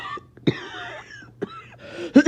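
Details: Harsh barking cough with wheeze after a bad 48 hours: three hard-edged coughs with whistling, wheezy breaths between them.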